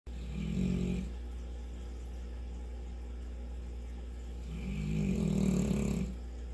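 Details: St. Bernard wearing a cone for a few days after breaking out of a kennel with her face and visiting the vet; low rattling snores on two breaths about four seconds apart over steady room hum; ordinary snoring.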